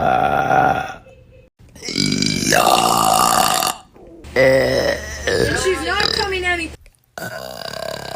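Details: Several loud, drawn-out voiced belches in a row with short pauses, then the person remarks they can't stop; repeated burping.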